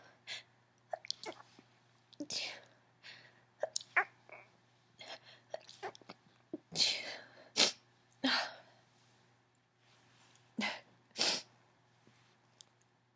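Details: Adult female with an allergy sneezing fit: repeated sneezes, mostly stifled with a few louder ones breaking through, with lots of sniffling between.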